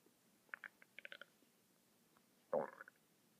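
Soft gurgles and squeaks from the belly, then one louder gurgle. Ordinary bowel sounds.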